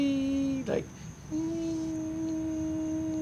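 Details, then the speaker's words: Tinnitus sound recreation: steady hummed tones over a faint, constant high-pitched whine, described as like standing under high-tension power lines, in the pitch range of crickets and birds, which become inaudible when the tinnitus is loud. "and in mind is like standing under uh high tension power lines it's a it's a high pitch sound and uh uh it it must be in the range of crickets and a lot of birds"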